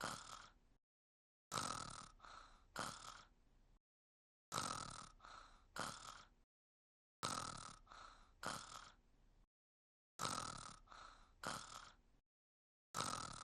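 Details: Exaggerated cartoon snore, not a real recording, voicing the character Luz: a repeating cycle of a snort and two shorter whistling breaths, with silent gaps between cycles.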